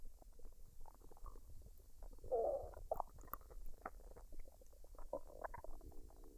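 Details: Woman's abdomen after a dinner of fried rice and duck, recorded unedited: irregular gurgles and low rumbles; ordinary bowel sounds (borborygmi) of digestion.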